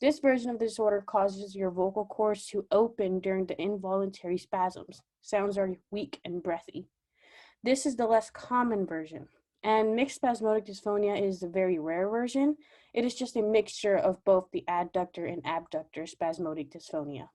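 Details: Adult woman speaking; normal voice.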